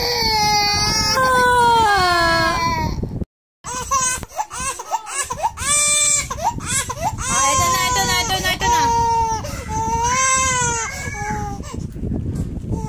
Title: Crying baby ( ate zenzen first edit )